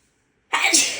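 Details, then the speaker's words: Woman with suspected grass pollen allergy, sneezing repeatedly, saying sneezes are big and harsher than usual: single loud, forceful sneeze bursting out after silence; sneeze. "Oh, I think I have to sneeze again. Oh, God. Oh, excuse me, they're so big."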